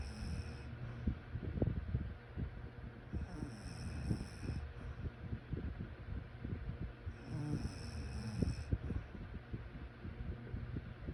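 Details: Low rattling snores during sleep, with breathing noise between them.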